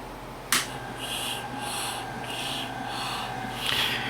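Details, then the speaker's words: Medela Lactina single-action breast pump switched on and running, not attached to anyone: a switch click, then a hum with rhythmic hissing vacuum suction strokes about every half second, calibrated to mimic an infant's sucking. "this is a single action pump is designed to be pumped from one source at a time and its speed is carefully calibrated to meet the natural sucking motions of an infant baby"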